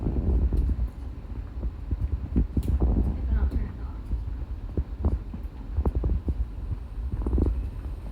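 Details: Hypervolt percussion massager used on a person lying down, over the lower back and glute area, on a low setting: low, rapid thumping hum with irregular louder taps.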